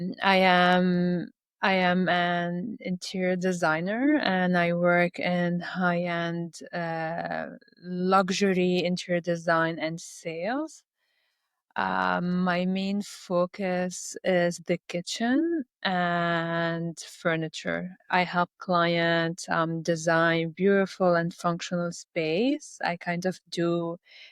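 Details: Adult woman who stutters; stuttering.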